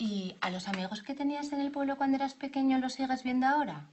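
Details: Adult woman (examiner); no disorder.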